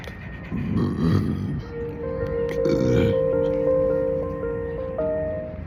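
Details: Burping while eating crunchy, spicy jalapeño snacks in a car: two deep, rumbling belches over loud background music.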